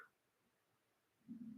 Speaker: kids I'm hungry can you hear my stomach I hope you can't hear it growling